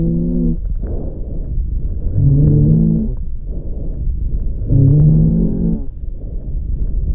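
Breath sounds with a low musical, whistling tone during breathing out, an expiratory wheeze.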